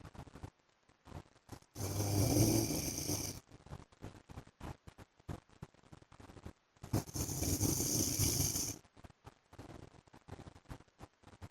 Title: PART 2 FOR SLEEPING WITH MY HUSBAND'S SNORING SOUND